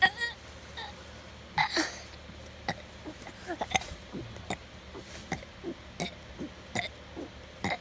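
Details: Burping: a run of repeated belches, short and longer, over quiet room noise.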